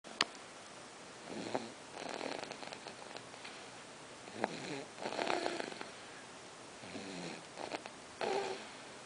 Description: Sweet angel asleep...have to listen closely for snoring!